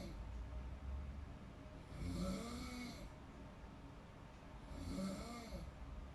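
Two rough, buzzing snores on breathing in, roughly three seconds apart, over steady room hum; ordinary snoring in deep sleep.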